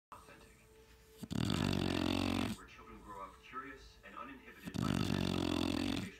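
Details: A sleeping Shar-Pei puppy snoring loudly: two loud, rough, rattling snores with faint background voices between them.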